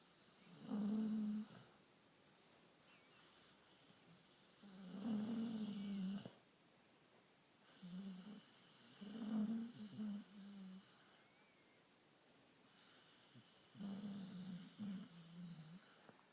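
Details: Ordinary snoring: irregular low rattling snores, about 14 a minute, in a quiet room.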